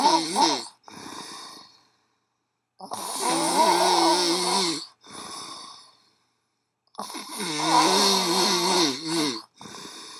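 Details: Extreme snoring from a boy: loud, rough, fluttering snores on each inhale with softer exhales, about 16 breaths a minute; heavy snoring.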